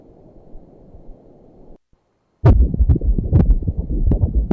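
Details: Ultrasound Doppler at 20 weeks of pregnancy, male fetus, about 500 g and 20 cm: after a brief silence, rapid rhythmic whooshing thumps at about 136 a minute, a normal fetal heartbeat.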